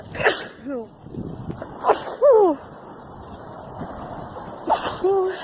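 Three abrupt explosive sneezes in a row, each followed by a brief voiced sound, with insects chirping outdoors in the background.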